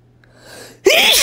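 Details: Adult female, deliberately sneezing after deep inhales of chili powder from a shaker: a quiet, building in-breath, then one sudden loud sneeze.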